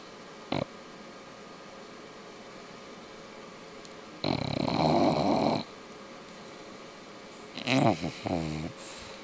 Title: English bulldog "Mister sleeping and snoring